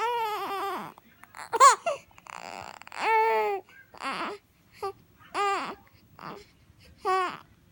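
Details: Infant waking up, with repeated rising and falling cries, fussing whimpers between, and hiccups; infant cry.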